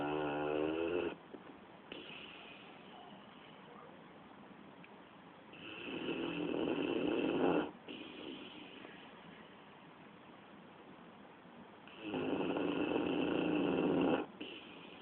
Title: Hooch snoring june 2010.mp4